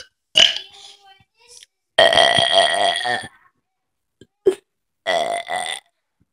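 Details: Burping: several loud voiced belches, two long and resonant, with short gaps between them; repeated burping.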